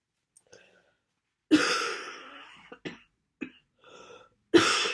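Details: Harsh, throaty coughs and throat clears with short breaths between, during a bad head cold with congestion, sniffling and sneezing.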